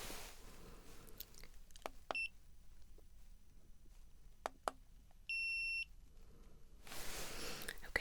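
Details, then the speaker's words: Soft handling clicks, then two short electronic beeps from a forehead thermometer during a simulated ASMR roleplay physical exam; thermometer beep. "Okay, so I'm now going to check your temperature. So first I'm going to pop it on your forehead."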